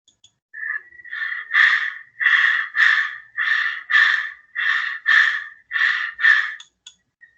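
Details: Tachypnea, rapid breathing, played as a sound example in a teaching seminar on respiratory semiology.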